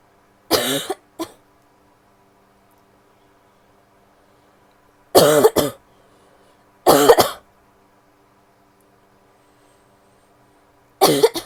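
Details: Female coughing: four separate bouts of short, dry coughing, some in pairs, with quiet pauses between; plain repeated cough.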